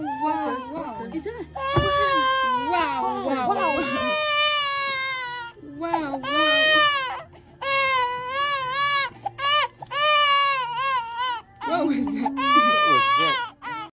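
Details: Sudden loud, high-pitched wailing in repeated long bursts with gasping breaths between; pain cry of a 4-month-old baby getting ears pierced, with a soothing adult voice.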